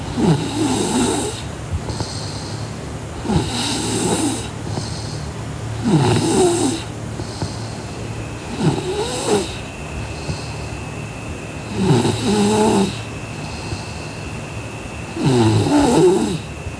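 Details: Sleeping girl: rough, rattling snores on each in-breath, about 18 a minute, with a quieter hiss on breathing out; snoring.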